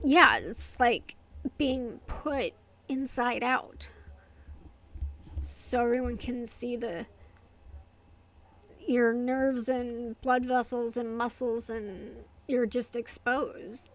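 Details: Adult woman with inherited essential tremor affecting her vocal cords and hands, diagnosed by a movement-disorder neurologist, plus medication-induced tardive dyskinesia from long-term antipsychotic use; vocal tremor (essential tremor).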